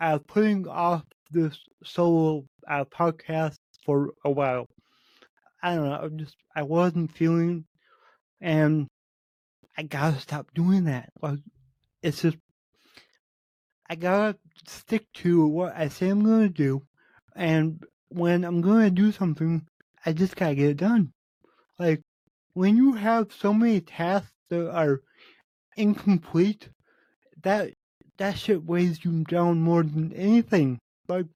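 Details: Adult male podcast host with cerebral palsy, which he says affects every muscle in his body; he says his speech is much better than 8 months ago and improving with better health. Dysarthria (cerebral palsy).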